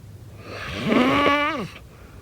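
A single rough, vibrating inhaled snore lasting about a second, with a buzzing pitch that rises then falls.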